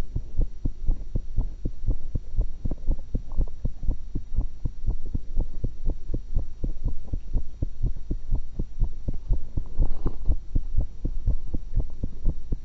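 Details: Own heart recorded through a stethoscope while eating an apple and a cucumber: steady, regular low heartbeats with a faint hum and no added noises; normal heart sounds.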